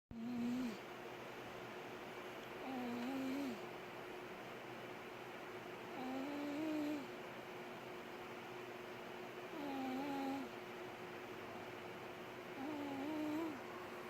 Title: Cat snoring like human